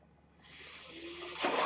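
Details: Mechanical ventilator breath cycle of a podcast host's own ventilator: a steady hiss of air builds with a faint brief tone, then a louder gust as a breath is delivered.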